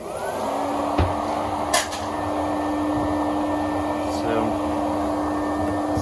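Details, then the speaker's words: Steady loud whooshing motor with constant hum as the dental lab vacuum is switched on before removing sprues from a milled full-arch zirconia: dental lab vacuum running. "So we're gonna go ahead and turn our power on, turn our vacuum on."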